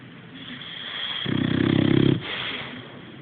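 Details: Sleeping boxer dog, one loud buzzing inhaled snore rising from quiet breathing against steady background hum; snoring.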